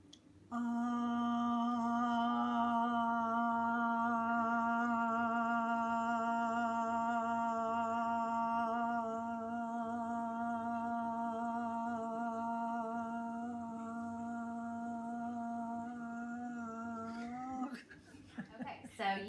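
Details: Patient sustaining an "ah" during a timed bedside swallow evaluation, held about 17-20 seconds, which the clinician calls vigorous and normal: sustained vowel phonation, normal maximum phonation time.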